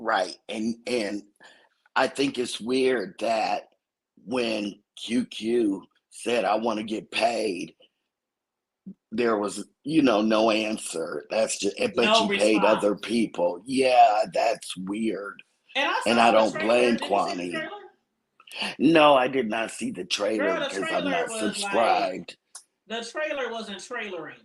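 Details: Adult woman whose vocal cord was accidentally touched during thyroid removal surgery, hoarse altered voice, expects recovery in a couple of months; dysphonia after thyroidectomy (vocal fold injury).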